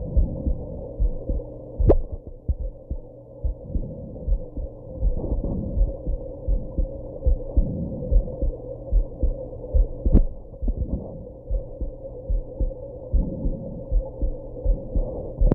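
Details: Own heartbeat recorded after drinking and smoking, with hiccups: steady low thumping at about 74 beats a minute, a steady hum, and two sudden sharp hiccup jolts.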